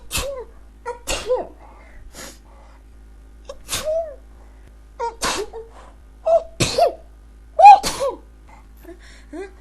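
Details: A rapid run of about ten sharp sneezes with short vocal gasps between them in a quiet room; a bout of sneezing.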